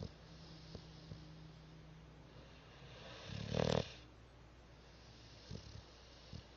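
One loud rattling snort-like snore stands out above quiet breathing and faint room noise; snoring.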